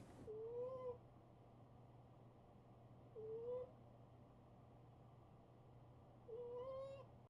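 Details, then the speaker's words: Recording of a sleeping pet cat snoring. Soft, high squeaky whistles recur about every three seconds, around 20 breaths a minute: snoring. "Actually, hang on. I made a recording of uh Sushi snoring. Let me uh let me play that."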